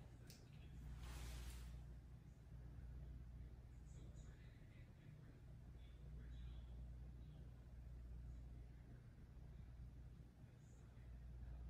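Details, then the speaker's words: Student nurse listens with the stethoscope bell over a non-surgical female patient's abdomen: low steady rumble, no whooshing bruit heard; normal abdominal auscultation. "So no bruits were heard on the abdomen, so that's a good sign."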